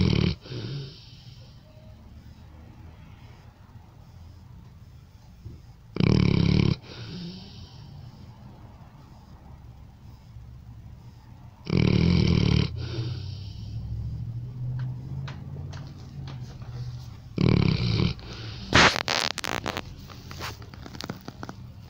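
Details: Snoring in a sleeping dog: loud, rough snorting snores about every six seconds, with quieter rattly breathing between them.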